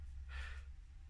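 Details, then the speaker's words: Adult's imitation of expiratory stridor, a pathological breathing sound from narrowed airways: a brief, forced, hissing breath out, demonstrating stridor on exhalation, which arises from obstructive lung disease. "und ich versuche das mal nach zu machen also ein streber hört sich in etwa so an bei der einatmung bei der ausatmung etwa so"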